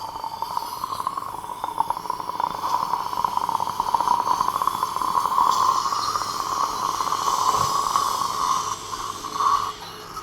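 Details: Guided implant surgery for an implant-supported overdenture: steady high-pitched whine of a dental implant drill running continuously with faint suction and room noise, a widening drill with saline irrigation during osteotomy preparation.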